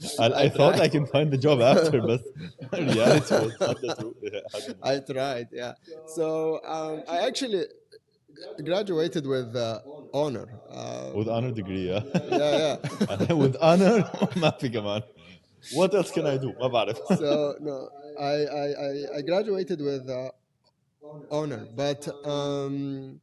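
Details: Adult man who has stuttered since age five or six, with blocks, lip and tongue tension, word repetitions and filler secondary behaviours; now controlled with pull-out and preparatory-set techniques learned in therapy in Germany. Stuttering.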